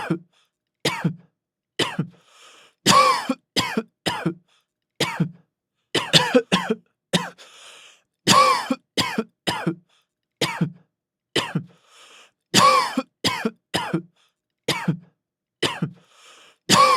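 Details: Severe, persistent cough in a man: repeated harsh, forceful coughs in clusters, with throat clearing and brief gasps between bouts.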